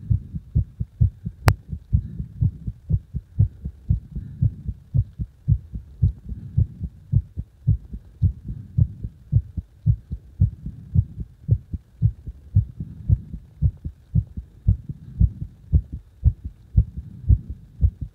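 Strong, steady low heart thumps at about 113 per minute, each beat loud and forceful.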